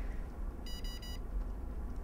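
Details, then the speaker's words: Three short high beeps over low room hum as a tympanic ear thermometer finishes its reading; ear pulled up and back for a seal, probe aimed toward the nose, during a vital signs check on a patient born 1942. "i'm going to go into her tympanic using the tympanic temperature and i'm going to use her ear and i'm going to take pull her a penny up and back and get a nice seal and i'm going to point that towards her nose"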